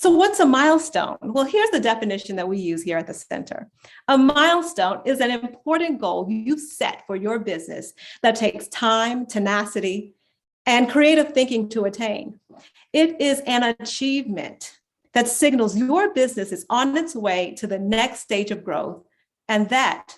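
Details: Adult woman speaking; ordinary speech.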